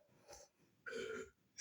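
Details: Comedic burping clip with loud burping effects: a brief grunt, then a single loud, drawn-out rasping belch, after the speaker says it hurts and excuse me.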